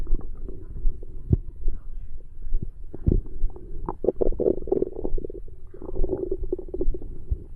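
Irregular low gurgling and rumbling from the belly, with louder bubbling bursts midway; ordinary stomach growling after a meal.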